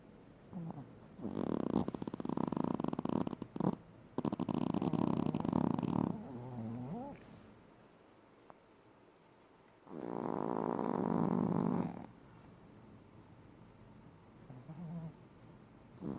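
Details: Chihuahua snoring loudly in sleep; fluttering snores in long drawn breaths with quiet pauses between; snoring.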